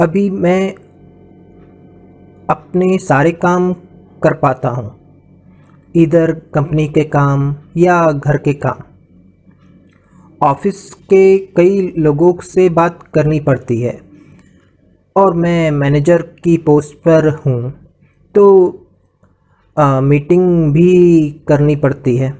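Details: Adult man with non-fluent aphasia after a brain haemorrhage stroke in 2014, initially able to understand but not speak; recovering after about 2 years of speech therapy plus physiotherapy and occupational therapy; non-fluent aphasia, recovering, post-stroke.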